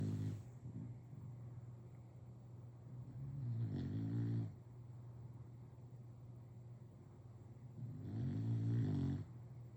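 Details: Sleeping bulldog snoring: deep, rattling snores on each in-breath, about 13 a minute, with quieter breathing between. Ordinary snoring.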